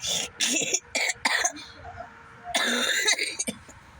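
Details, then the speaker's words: Person who can't stop coughing, with coughing fits that keep starting while watching YouTube on a phone: a run of about six harsh, dry coughs in quick bursts with short gaps. "I can't even watch YouTube on my phone because every time I start coughing, I sound like this."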